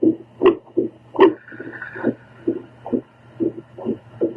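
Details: Adult female's own heartbeat recorded with a home Doppler while trying to calm it with a breathing circle: whooshing beats about 79 a minute with uneven spacing, faint breathing; heart slows slightly but mostly very irregular rhythm.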